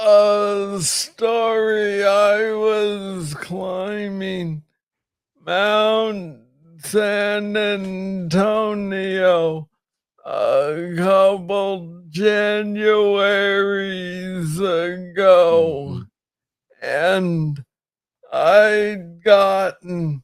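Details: Adult man with Parkinson's disease diagnosed in 2014 at age 35, first misread as tennis elbow; Parkinsonian speech with slow rate and long pauses.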